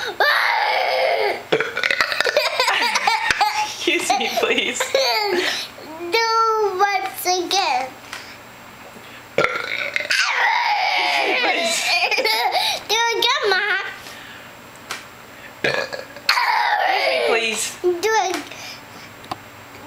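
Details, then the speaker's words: Burping and growling contest among family members: loud, drawn-out voiced burps mixed with children talking and laughing. Burping. "what was that Mom it was a little burp I'm sorry excuse me Mom excuse me please"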